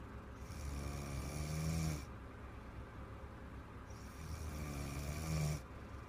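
Long, loud, vibrating snores on each inhalation, about four seconds apart, rising in pitch toward the end of each breath; heavy snoring.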